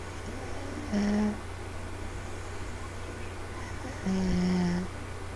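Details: Two-year-old girl fast asleep on a parent on the couch, recorded on a laptop. Two evenly spaced, low, droning snores about three seconds apart over a steady room hum. Ordinary snoring.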